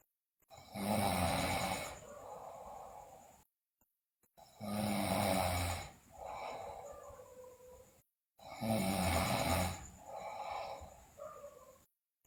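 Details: Sleeping girl snoring loudly, with bruxism and delirium reported: three loud, rattling inspiratory snores, each trailing into a softer exhalation, roughly 15 breaths a minute; heavy snoring.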